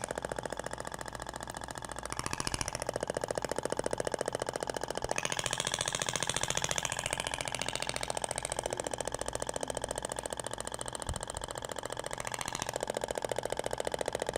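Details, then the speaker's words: THORK radial shock wave applicator firing across the abdomen in the other direction over gel. Rapid, very regular tapping pulses, roughly fifteen a second, with a buzzing, engine-like tone. "agora vai pro outro sentido até o barulho é diferente da pompea de poliacetal pra inotes"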